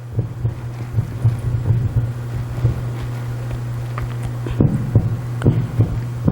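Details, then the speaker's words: Normal heartbeat for the age group 18 to 23, played from an app through a phone speaker: soft, low thumps over a steady electrical hum. "So the heartbeat you're hearing right now is for the age group 18 to 23."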